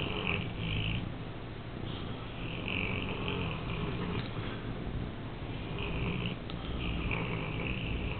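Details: Newfoundland dog sleeping soundly in a bathroom, snoring loudly before being woken: continuous low rumbling breathing with faint higher rasps, steady throughout. Snoring.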